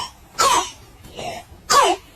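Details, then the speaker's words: Child with acute laryngitis: two harsh hollow barking cough bursts with a softer one between, a sudden dog- or seal-like cough typical of croup. "第一，宝宝突然出现空空空的咳嗽声，"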